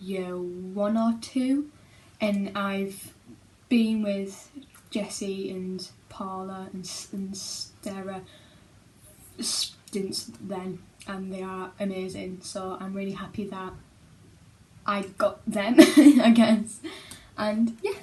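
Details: Child who stammers and attends speech therapy; stammering.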